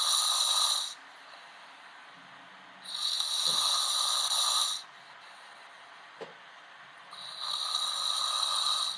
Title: Man snoring channel 5 tv channel 5 tv channel 5 tv